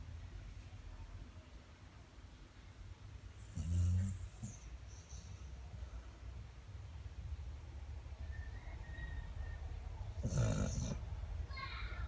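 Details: Dog snoring like a human: two deep, rumbling snorting snores with soft whistles between them against low room noise.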